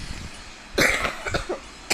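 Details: A burst of about four harsh, intense coughs in quick succession during an Asphalt 8 gameplay recording, with background game noise.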